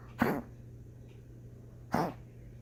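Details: Dog's coughing fit: two short, harsh honking bursts about two seconds apart, with a steady low room hum.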